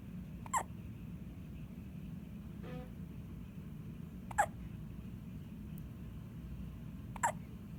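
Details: Three brief, high, squeaky hiccups over several seconds against a steady low background hum; hiccups.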